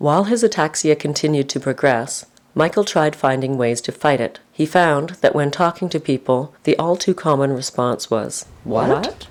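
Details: Adult narrator; normal speech.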